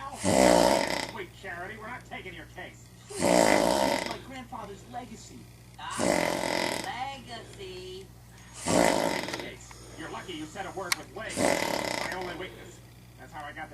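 Loud, harsh snores about every three seconds, roughly 22 a minute, over television speech in the background. Heavy snoring in a person with sleep apnea.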